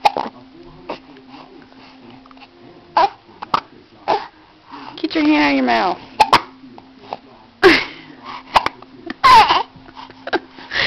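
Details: Repeated short, abrupt catches in a baby's breathing among babbling and vocal sounds, with a steady background hum; hiccups.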